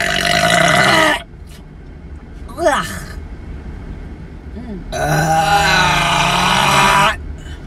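Two long, loud, rumbling voiced belches with a short grunt between them; deliberate burping.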